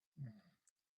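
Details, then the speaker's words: A husband snoring in the background: a single low, rough, rumbling snore of about half a second, quiet and distant in a still room. "I'm sorry, my husband's snoring. If you hear that, he's snoring."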